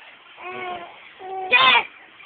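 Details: Infant crying: short fussy cries rising to a louder wail at the end.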